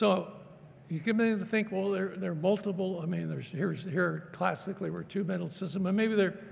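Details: Adult man, lecture; normal speech.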